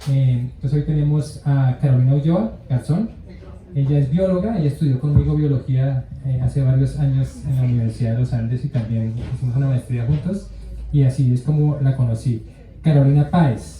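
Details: Adult male speaker; normal fluent speech.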